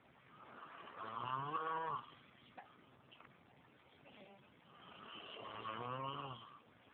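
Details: Male asleep on a couch, snoring: two loud, rough, buzzing breaths drawn in about four seconds apart, quiet between them.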